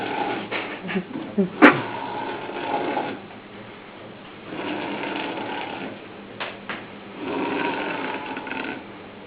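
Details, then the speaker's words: Three rough, rattling snores with quieter breaths between, about one every three to four seconds, in a small quiet room; snoring recorded in Chascomús. "¿Se escucha el ronquido? Una orquesta fea."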